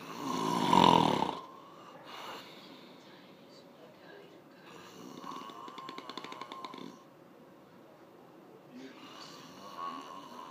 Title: When people say they don't snore (without light)